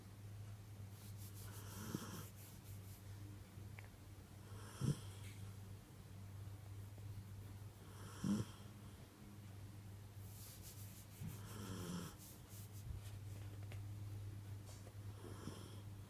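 Soft, irregular snoring breaths with faint snorts, about 17 a minute, over a steady low hum.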